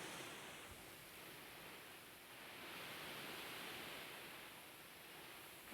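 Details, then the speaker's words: Fisher & Paykel Solo nasal pillow CPAP mask with pressure increased to 20, worn lying down: a steady, soft rushing hiss of air from the exhalation port, felt only a short distance away. "So it sounds to me like it's all exhalation port. And I'm feeling it coming out to about right here."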